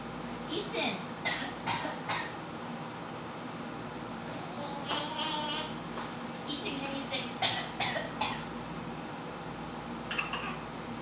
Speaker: Oh, do you have a bad cough? Are you fake coughing?